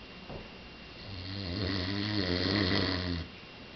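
A single long, rough, vibrating breath sound of about two seconds against quiet room noise: an ordinary snore.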